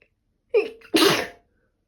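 A single sneeze: a short voiced intake followed by a sharp explosive burst, here from allergy.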